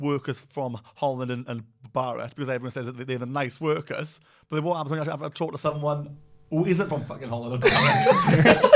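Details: Adult man who stutters and reports regular blocking in everyday conversation; stuttering.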